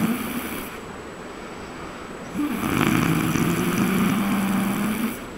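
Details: Snoring recorded during a trip to Raigad: a long, low, rough rumbling snore on the in-breath over a steady noisy background.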